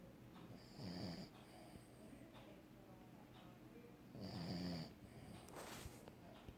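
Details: Soft snuffling snores, two clear noisy breaths a few seconds apart over faint room noise; ordinary snoring.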